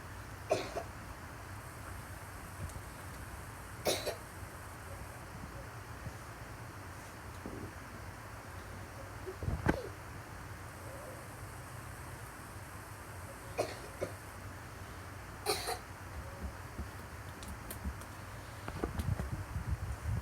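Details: Several short, isolated cough bursts spaced over twenty seconds, described as weird coughing, with a steady low room hum behind them.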